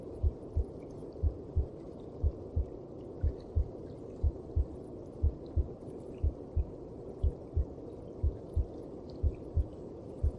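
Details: Heartbeat heard through the mother's belly: steady, muffled double beats at about 60 per minute over a soft whooshing background.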